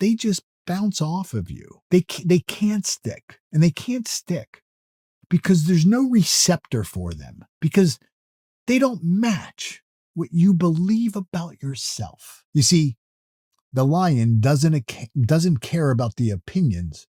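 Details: Adult male who self-reports that he stutters or stammers, with repeated words in his natural speech; stuttering.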